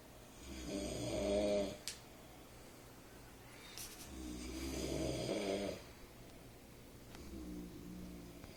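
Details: Two people sharing a room snore within 40 minutes of falling asleep near 5 a.m.: rough, rattling inspiratory snores, about three in nine seconds, with quiet gaps.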